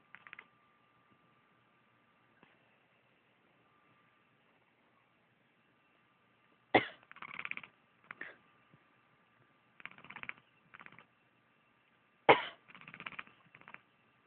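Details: Pet named Hiccup making weird noises in her sleep: brief snorting, huffing noises in scattered bursts; sleep vocalizations.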